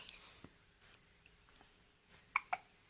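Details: Two short, sharp clicking hiccups close together over quiet room sound.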